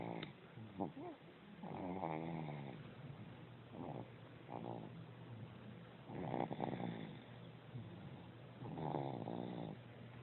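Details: Repeated rough, fluttering snores with a whistly edge on each breath, about every two to three seconds; ordinary snoring.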